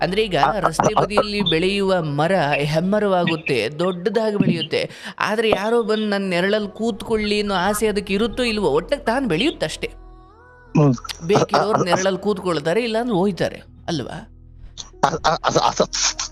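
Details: Adult speaker; Typical speech.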